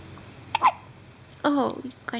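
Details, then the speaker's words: One-day-old newborn baby girl with hiccups: a short, sharp hiccup-like catch followed by a small cry-like vocal sound. "you got the hiccups. You're so cute."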